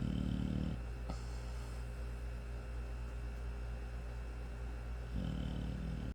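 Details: Low rumbling snores with a long quiet stretch between breaths from a sleeping 5-month-old American Bully puppy; ordinary snoring.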